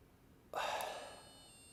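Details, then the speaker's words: Inhaler trainer demonstration in COPD medication education, device detecting actuation, inhalation timing and force, clinician-timed breath hold: after a short hush, a bright electronic tone with ringing tail signals correct technique. "this tells me that I do in fact know how to get all of that medication theoretically down into the bottom of my lungs"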